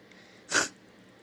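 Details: A single sharp, explosive sneeze, a sudden noisy burst of air, with quiet room noise around it; the person reports being sick again.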